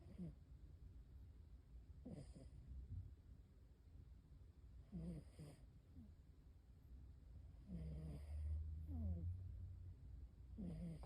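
Soft, rough sleep breathing sounds recurring every few seconds over low room noise; snoring in a sleeping cat.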